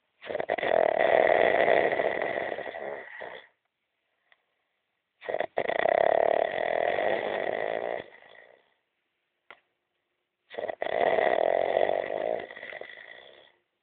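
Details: Heavy snoring in a sleeping male: three loud, long, rough snores about five seconds apart, each with a harsh rattling buzz, separated by silent pauses; onlookers remark how remarkably loudly he snores.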